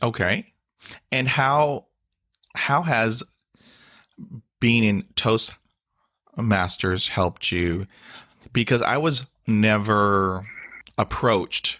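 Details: Adult man with stuttering he calls a daily struggle, with blocks and facial tics despite years of speech therapy; word repetitions and interjections heard; stuttering.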